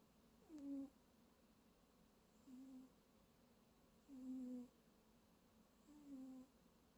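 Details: Snoring while napping: soft, low, tonal snores recurring about every 1.7 seconds in a quiet room.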